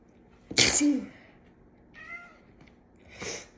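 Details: Sneezing fit from cat allergy with the left nostril clogged, deliberately induced with a cat whisker: one sharp explosive sneeze, a faint cat meow, then a softer second sneeze.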